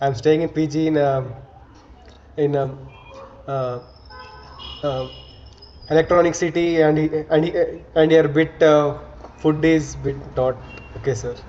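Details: Adult member of a stammering self-help group; real speech showing stuttering with repetitions and fillers.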